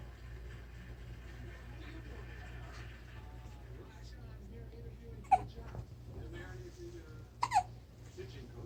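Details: Four-week-old baby with hiccups: two abrupt, sharp hiccups over room hum and faint voices.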